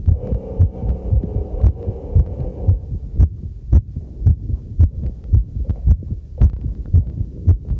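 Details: Own heartbeat recorded with a newly built field stethoscope microphone during housework: steady, regular beat near 110 a minute, with faint clinking tableware and running tap water behind; normal heartbeat during light activity.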